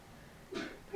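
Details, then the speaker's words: Pet sneezing: a single brief, soft sneeze rises out of quiet room noise, then fades. "it that's jojo sneezing if you can hear that"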